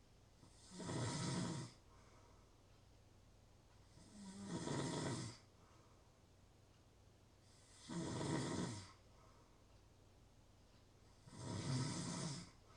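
Regular rough, fluttering snores on each breath, about 17 a minute, with quiet pauses between them.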